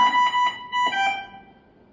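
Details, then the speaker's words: Three-note tonal chime played twice then fading: a ventilator's medium-priority alarm signal sounding during the device self-check at setup, demonstrated by a student. "Perintah pertama, sinyal alarm prioritas menengah terlihat dan terdengar."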